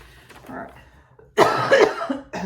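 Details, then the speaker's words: A short, sharp cough burst after a faint throat sound, followed by a breath, in a small room, from a woman who says she is fighting congestion that is almost over. "I'm sorry for the coughing I'm still I'm trying to fight this congestion it's almost over"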